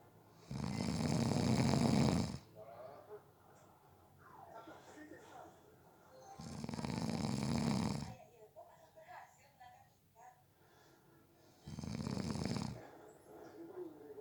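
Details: Snoring during a nap, person fell asleep within 30 seconds: three loud rough rattling in-breath snores about every five seconds with quiet breathing between.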